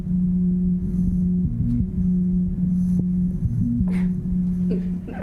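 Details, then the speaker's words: Example of what a stethoscope would hear on the chest of a mother of six with heart failure on a left ventricular assist device, whose pulse cannot be felt by hand: a steady low mechanical pump hum with no separate heartbeats. "That is doing all the work. We have an example of what our viewers would hear if they were listening to chest with a stethoscope."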